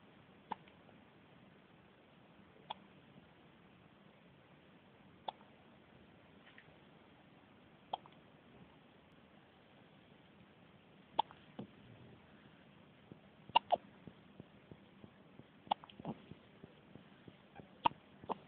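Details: Day-old newborn baby with hiccups: soft, brief clicking catches in a quiet room, about 28 a minute, coming closer together toward the end.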